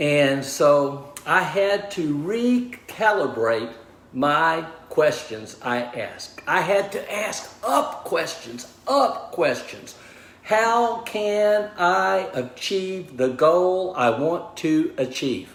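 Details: Man with aphasia after a stroke, diagnosed 26 months earlier at about age 61; initially unable to talk, write or communicate; now relearning speech, reports mixing up words and slowing down to avoid slurring; aphasia.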